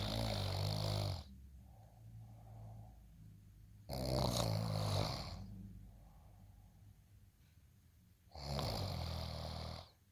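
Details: Three deep, rumbling snores about four seconds apart with soft breathing between, in a quiet room: steady snoring.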